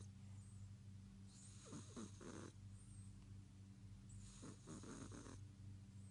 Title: cat snoring so loud